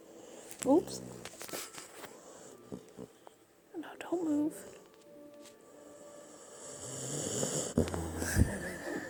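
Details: Sleeping puppy snoring in a dark room: a few squeaky, croaking "bull frog" snore sounds with soft voices in background; snoring.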